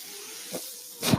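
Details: Sound of a podcast host's own mechanical ventilator: a steady airy hiss with two short whooshing pulses of air, the last one louder, as breaths are delivered.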